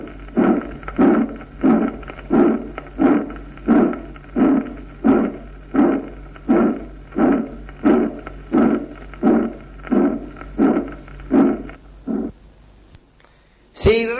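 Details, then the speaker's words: Aortic stenosis systolic ejection murmur, sometimes maximal at mesocardium left of the sternum or at the apex, not radiating to the axilla like mitral murmurs; moderate stenosis prolongs left ventricular ejection. "en oportunidades en máximo en mesocardio a la izquierda del esternón y a veces en la punta pero no se irradia axila como el mitral"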